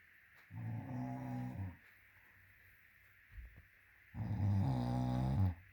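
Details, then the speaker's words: Woman snoring while wearing a Snore-Eze snore aid in her ear, apparently meant for the nose; loud enough to hear from the next room. Two long, deep, vibrating inspiratory snores separated by a pause with a brief snort. "That green thing in her ear is a snore aid. I don't think it's helping unless it's aiding in her snoring. It doesn't get any quieter for me."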